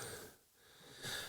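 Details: An adult podcaster trying to quit smoking cigarettes wheezes badly, describing the lungs and chest as affected; wheezing.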